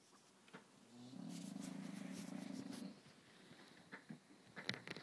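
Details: English bulldog snoring loudly during a nap: a sustained fluttering, buzzing snore of about two seconds followed by softer snorts.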